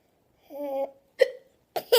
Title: Hiccups are Funny